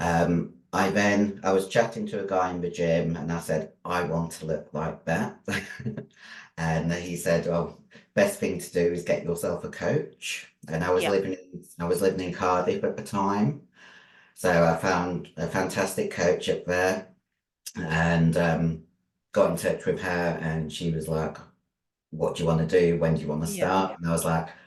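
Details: 56-year-old female bodybuilder with androgen-induced voice deepening (virilized voice) after taking large doses of male anabolic steroids. Her voice was formerly very high-pitched and is now very deep, and she can no longer sing.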